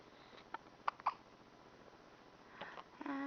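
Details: Ten-day-old baby girl with hiccups; a few short, abrupt hiccup sounds close together, then a soft vocal sound; infant hiccups.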